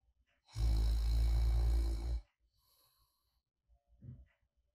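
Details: Light, deep snoring in sleep, recorded as an ASMR white-noise track: one long, deep, rattling snore on the in-breath, then a quiet pause and a soft out-breath.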